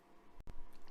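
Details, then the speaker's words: Single abrupt, forceful sneeze from an adult mid-speech in a quiet indoor room; she apologizes for sneezing. "Excusez-moi, éternuement en pleine vidéo, c'est jamais le top."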